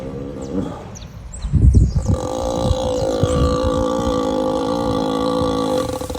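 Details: A sleeping ox in heavy sleep makes a deep, low, rumbling intake followed by a long, steady droning tone: loud snoring.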